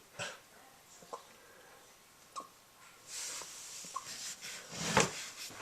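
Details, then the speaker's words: Puppy with hiccups: sharp, abrupt little gulping clicks recurring about every second over soft panting breaths. "what are you doing? Got the hiccups?"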